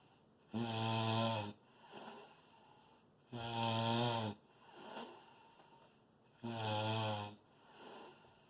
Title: snore loud